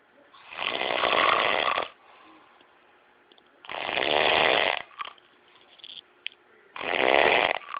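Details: Person asleep snoring: loud, rough snores about a second long, repeating roughly every three seconds with quiet breathing between them.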